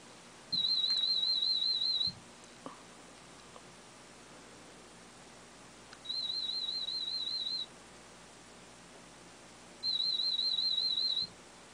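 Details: Three warbling high-pitched test tones, each one to two seconds long and separated by silence, during the third hearing test of a cochlear implant user at a hospital ear unit; hearing had reached the speech banana.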